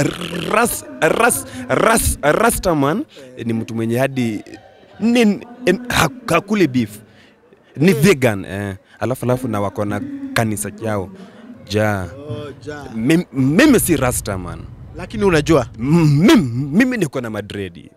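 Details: Stuttering in an adult man, a comedian, whose stammering began in class 2 at school.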